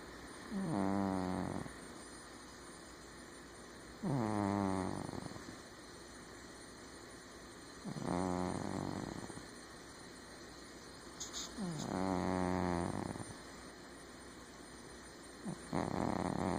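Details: Sleeping cat: four slow, rattling snores about four seconds apart, roughly 15 breaths a minute, with quiet gaps between; snoring.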